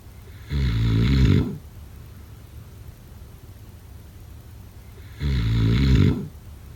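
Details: Snoring.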